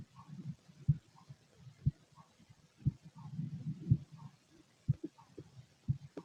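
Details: Normal heartbeat.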